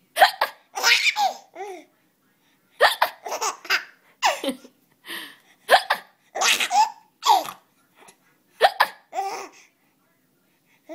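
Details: Young child with hiccups: about four sharp, abrupt hiccups roughly every three seconds, each followed by bursts of giggling laughter.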